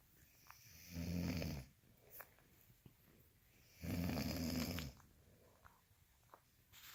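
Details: Two rough, rattling snores about three seconds apart with quiet breathing between, roughly 20 breaths a minute; snoring during sleep.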